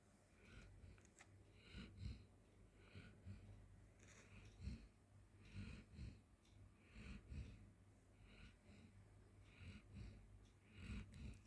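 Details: Golden Retriever sleeping on the floor in a small room: low, rattling, irregular snores with some snorting, about 23 breaths a minute.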